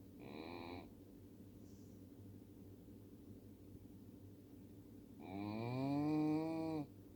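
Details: Miniature Schnauzer: two drawn-out, tonal, groaning snores several seconds apart, pitch rising then falling, sounding like human snoring.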